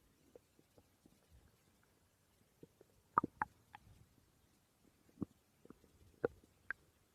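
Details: Borborygmi recorded while the person slept: scattered gurgling and squeaky bursts of bowel sounds, ordinary stomach growling.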